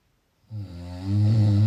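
A low, rumbling snore builds after a brief silence and is held as a steady vibrating breath. Typical snoring.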